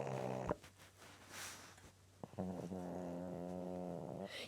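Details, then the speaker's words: A flat-nosed pet making fluttering, buzzing snores with each breath after a brief snort; snoring. "Rudy, please stop snoring."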